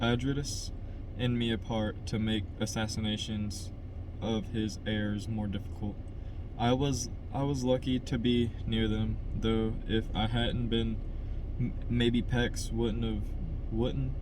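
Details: Adult man who stutters reading a novel chapter aloud as practice to help his stutter; stuttering.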